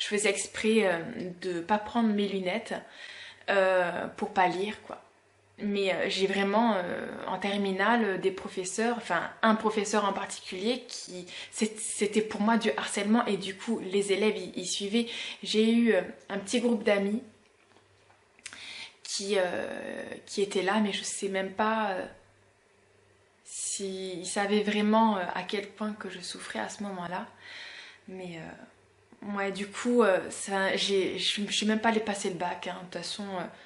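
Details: 32-year-old woman who has stuttered since about age 4-6, noting it worsens when tired, rushed or emotional; stuttering.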